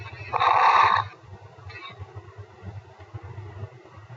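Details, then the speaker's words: Coarse crackles played as a lung sound example in a respiratory examination lecture: low, bubbling popping sounds throughout the recording, a sign of fluid or secretions in larger airways. "causes of fine crackles pulmonary fibrosis and Pulmonary Oda this is the most common while other causes late in Inspiration in the heart failure is while this is the course [Applause] C this"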